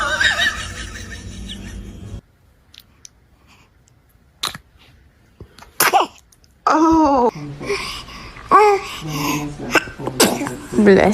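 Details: A baby's small, sharp sneeze, followed by adult laughter and chatter in a room; sneezing.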